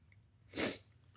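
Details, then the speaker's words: Adult sneezing while talking on camera: a single short, forceful airy burst through the nose and mouth. "Just sneezing and [ __ ] Just sneezing trying to trying to give knowledge. Sneeze. I can't help it."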